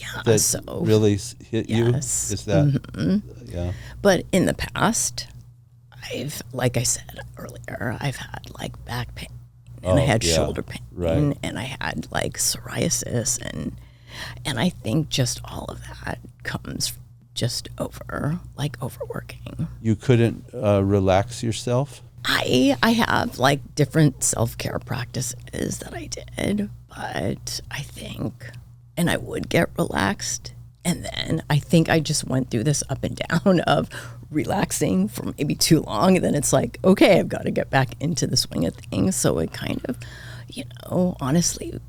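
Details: Adult woman diagnosed this year with spasmodic dysphonia, attributed partly to voice overuse as a podcast host and partly to stress; symptoms occur unpredictably and appear during the interview; spasmodic dysphonia.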